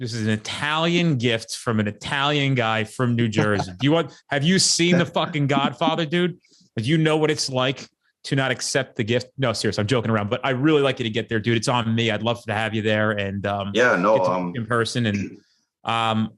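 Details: Adult man; normal speech.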